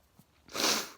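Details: Sneezing repeatedly for about three minutes after going outside at sunrise, 3:12 a.m.: a brief intake of breath, then one sharp, hissing sneeze burst that fades out; a single sneeze.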